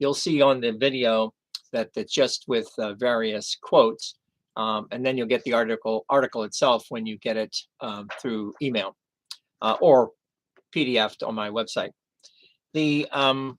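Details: Male with chronic aphasia after a stroke 11 years earlier, having had 15 hours of formal speech therapy.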